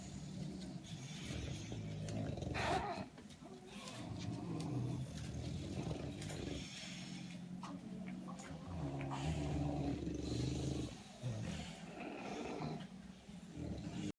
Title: Sound up for the most ridiculous bulldog snores 😂 #bulldogfamily #bulldog